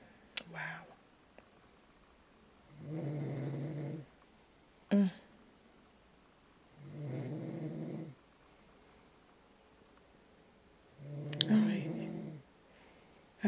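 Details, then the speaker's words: Adult man (husband) snoring in bed at night, likened to a wild boar: loud, rattling snores recurring about every four seconds during sleep, with brief clicks and room noise between; snoring. "Listen to that. He sound like a wild boar. A wild boar."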